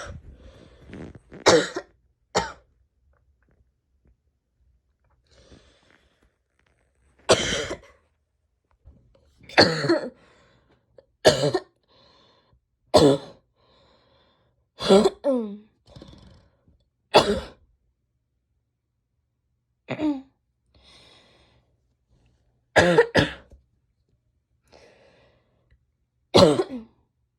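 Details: An adult woman coughs repeatedly in separate bursts, about a dozen coughs with quiet pauses between; cough.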